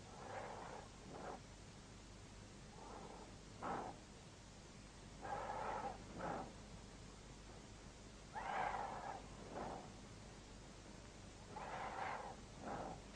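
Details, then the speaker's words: Normal vesicular breath sounds heard with a stethoscope over the lungs, arising during inspiration and the first third of expiration from vibration of alveolar walls. "в норме на саммит речными участками легких выслушивается везикулярное дыхание напоминающие звук она возникает во время вдоха и в первую треть выдоха вследствие колебаний альвеолярных стенок"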